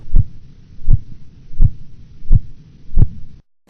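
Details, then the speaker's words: Blood pressure measurement: as cuff pressure falls, five clear, regular tapping sounds at about 85 a minute over the brachial artery, phase 1 Korotkoff sounds, coinciding with return of the radial or brachial pulse and marking systolic pressure. "Phase 1 sounds are clear repetitive tapping sounds that coincide with reappearance of a palpable radial or brachial pulse"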